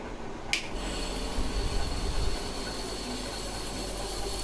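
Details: Nebulizer compressor used to treat a child with a cold and cough: a click, then a steady low droning rattle running continuously.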